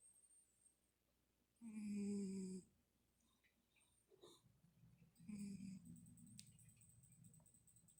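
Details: Cat snoring: two long buzzing inspiratory snores a few seconds apart with quiet breathing between.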